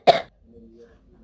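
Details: Child giving one sharp, brief acted cough in a staged skit, followed by quiet with a faint voiced sound; simulated cough.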